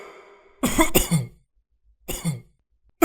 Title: When your friend’s voice needs coughing... #shorts